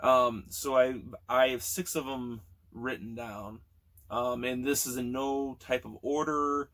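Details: Man almost 40 who has stuttered since childhood; sound and word repetitions audible; stuttering.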